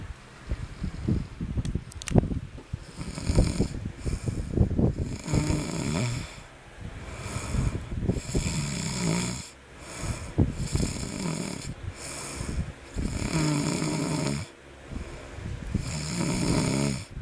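Loud, rough snoring in a steady rhythm, about seven snoring breaths over seventeen seconds, with rattling on each breath. Snoring during sleep.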